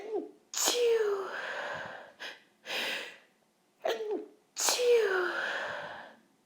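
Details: Woman's two forceful sneezes after sniffing pepper, trying to hold back an intense nasal tickle: each preceded by a sharp indrawn breath with soft breaths between.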